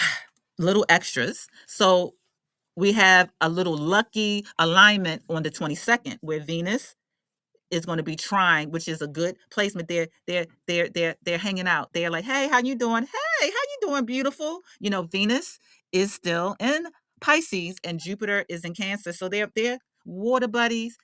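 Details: Adult woman who states she is a stutterer and is working on her speech; repeated words and phrases heard; stuttering.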